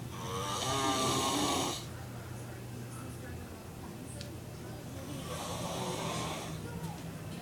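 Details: Father snoring very loudly during sleep; two loud, rough, rattling snores about five seconds apart over steady room noise.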